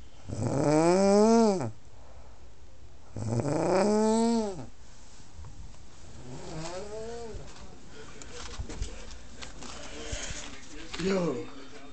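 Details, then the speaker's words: A woman (cousin) snoring heavily during sleep: loud, rising-and-falling rattling snores with a droning, lawnmower-like quality on each inhalation, about every three seconds, then softer snores. "it sounds like she is cranking up a lawnmower. She's snoring so hard. Oh my god, this looks like a lawnmower."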